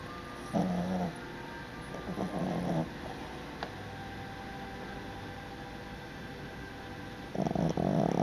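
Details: A resting dog makes three rough, throaty snoring bursts, separated by quiet pauses with faint room noise: dog snoring.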